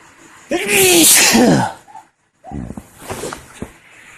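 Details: Adult man with a confirmed cold sneezing through the day: one loud, drawn-out voiced sneeze, a pause, then a softer sniffing, breathy follow-up; sneezing.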